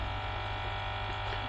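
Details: Steady low mechanical hum with a faint pulsing buzz from a four-chamber digital air compression therapy pump (DVT/lymphoedema lymphatic drainage pump) running with leg attachments, chambers inflating sequentially with increasing pressure, operated by remote control.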